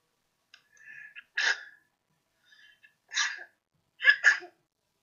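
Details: Sneezes recorded with a piezoelectric sensor in an experimental LabVIEW test: three short sharp bursts, each preceded by a faint catch of breath, in a quiet room.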